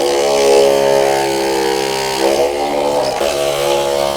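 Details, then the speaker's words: Continuous low buzzing hum of an electric chest vibrator in a real-time chest physiotherapy demo on a neurosurgery patient with a right thalamic bleed and ongoing cough, used to loosen lung secretions and mucus. "కూడా మనం actual గా this is called vibrator అండి so vibration ద్వారా కూడా మనం chest physio ని vibration is a part in chest physio so vibrate చేసి lungs లో ఉన్నటువంటి సెక్రషన్స్ ని మనం ఈజీగా మ్యూకస్ ని బయటకి తీస్తా ఉంటాం"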